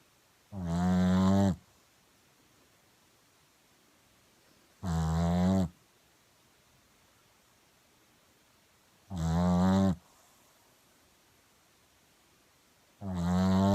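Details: Pixie, a Shih Tzu, snoring in deep sleep: four slow, regular snores about 4 seconds apart, roughly 14 a minute, with quiet between them; ordinary snoring.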